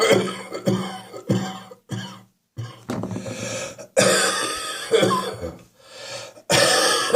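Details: Wet, wheezy, chesty productive cough during a spring cold, chest wheezy in the morning; repeated harsh coughs in bursts with a rattly, wet quality and wheezy tone.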